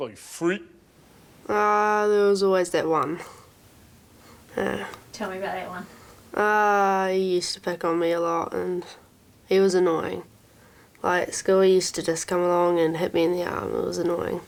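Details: Tourette syndrome in an 11-year-old girl, severe motor and vocal tics, onset with cartwheeling then noises and stuttering; involuntary swearing; vocal tics with coprolalia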